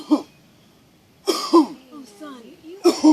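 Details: Person mentioned in nearby talk as still having a cold, amid talk of snoring: several short throaty clearing bursts with brief voiced sounds between them; repeated throat clearing.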